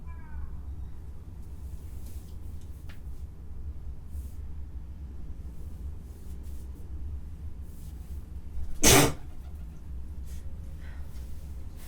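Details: A single sharp, explosive sneeze from a cat against steady low room hum; sneezing.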